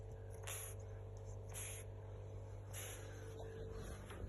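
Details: A Pug snoring out loud: soft, hissing snores in a slow repeating rhythm over a steady low hum of room noise; snoring.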